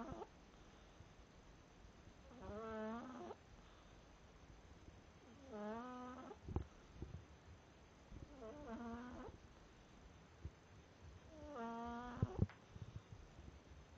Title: My cat Smokey.. snoring